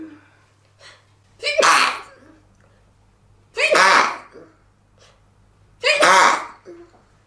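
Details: Sample recording of a person sneezing, made for a sneezing video.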